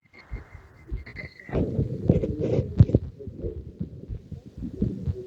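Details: Heart auscultation in patient 544 through a stethoscope: low, muffled heart thumps at roughly 85 per minute under rubbing and handling noise.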